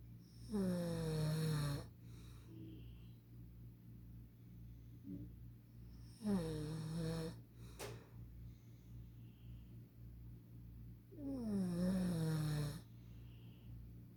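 Three loud, tonal snores about every five seconds, around 12 breaths a minute, against a low steady room hum.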